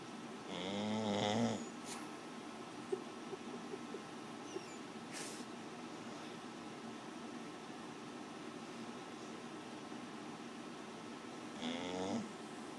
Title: Fur ball snoring